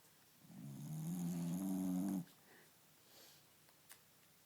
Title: Cookie snoring